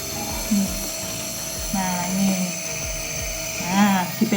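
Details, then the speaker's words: Onemed non-portable compressor nebulizer, just switched on for steam therapy for a baby's or child's cough and cold, usually run 10–15 minutes: steady mechanical buzzing hum with brief voices over it; nebulizer running. "Oke langsung saja kita hidupkan tinggal kita keluar asapnya ini diarahkan keju seperti ini sampai habis biasanya sekitar 10 menit sampai 15 menit"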